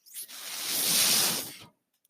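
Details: Breath from the mechanical ventilator of a person speaking on a podcast: a single smooth airy hiss swells and fades over about a second and a half, one ventilator breath cycle.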